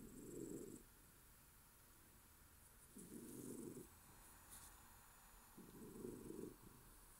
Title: Bun-Bun snoring